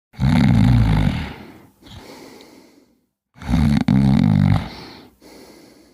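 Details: A cat snoring: two loud, low, rattling snores on the in-breath, each followed by a softer, quieter out-breath.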